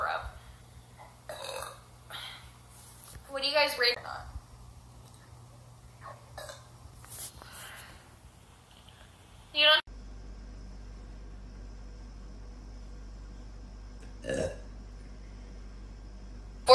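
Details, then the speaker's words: Woman burping, from a burp and hiccup compilation, describing her burps as spicy: several short throaty belches between background chatter, then a quieter stretch with one more burp; ordinary burping. "my burps are spicy um [Music] they're so hot oh"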